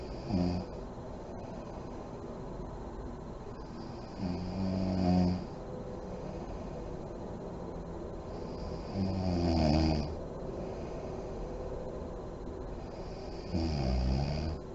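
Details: Sleeping mother in deep REM sleep, lights on: low, fluttering snores on three breaths about every four to five seconds over steady room hiss; snoring.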